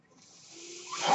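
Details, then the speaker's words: Mechanical ventilator breath cycles heard in the background while the ventilated speaker talks during a podcast. "my name is we're that noise you're hearing is my ventilator"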